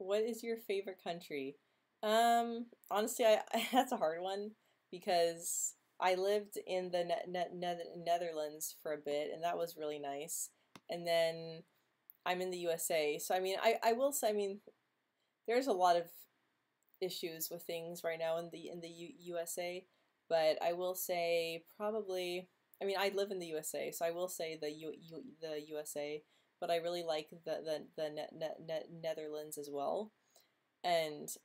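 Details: Woman who has stuttered since age 9 or 10, quite disfluent this week, reporting blocks and tension in jaw, mouth and tongue; stuttering.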